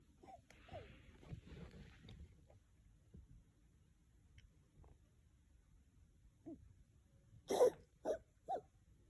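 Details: A dog giving a few harsh, hacking bursts near the end, after quieter snuffling breaths: a dog's cough.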